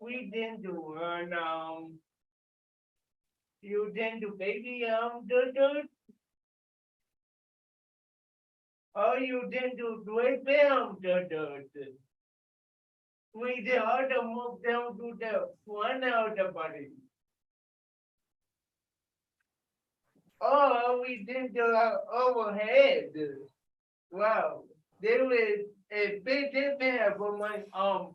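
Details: Dysarthria in an adult with cerebral palsy leading warm-up exercises; a listener notes some people cannot understand him.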